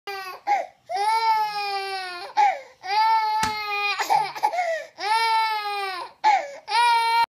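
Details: Infant crying in loud, tuneful wails broken by brief gasping breaths in a small room, recorded Feb 11, 2016.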